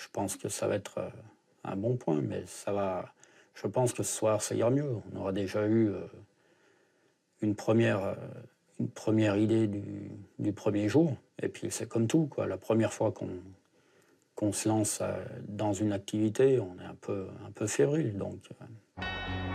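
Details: Adult man speaking French; ordinary speech.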